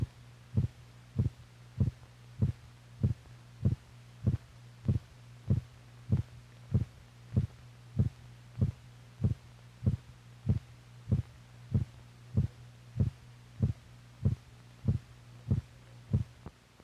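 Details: Normal heart sounds from a film for doctors, possibly from the 1950s, that records heartbeats and correlates the heart's physical motion with the sounds it makes.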